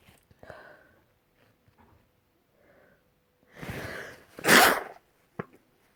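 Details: Dust-triggered single sneeze: a soft inhaled build-up, then one sharp, forceful burst with a small snort after, from a series of stifled, sprayed and messy sneezes.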